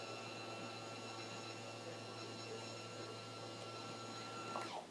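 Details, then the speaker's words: Electric bed motor humming with a faint whine, then a click as it stops: a CNA raises the resident's bed for proper body mechanics before taking a manual blood pressure in a skills demonstration. "I'm going to first start by raising the bed for proper body"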